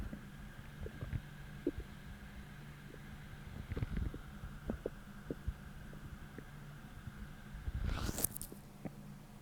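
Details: Stomach growling from hunger, starting about twenty minutes after a deep, achey, empty feeling, hours after a heavy, bloating dinner; faint gurgles and soft pops over a low hum, with a louder squeaky gurgle near the end.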